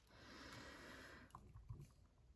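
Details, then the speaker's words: A single rough, rattling snort-like snore lasting about a second from a pet sleeping right behind its owner, followed by soft clicks and quiet room noise. Snoring. "now he's sleeping like right behind me like right here and now he'll probably snore and so you can hear that delightful"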